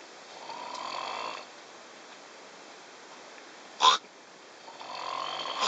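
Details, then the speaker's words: Snoring while asleep on the Trans-Siberian train: two soft, rough snoring breaths several seconds apart, with a brief sharp noise between them and steady train rumble behind. "Snoring on the vodka train, part 1."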